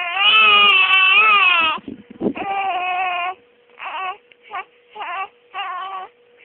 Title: The crying baby.3gp